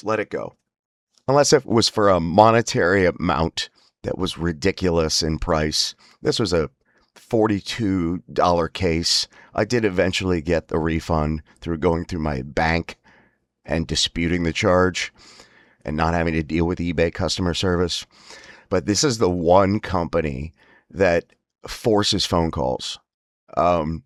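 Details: Man with spasmodic dysphonia (laryngeal dystonia); he says emotional stress and an unregulated nervous system make his voice spasms much worse, especially on phone calls: spasmodic dysphonia.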